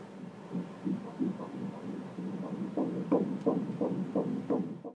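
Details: Fast, regular whooshing beats at about 170 a minute: a normal fetal heartbeat of twin baby A on an 8-week ultrasound.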